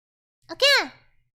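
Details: Single sneeze from a streamer who first says she wants to sneeze: a short breathy intake, then one sudden high-pitched voiced burst that rises and falls away quickly.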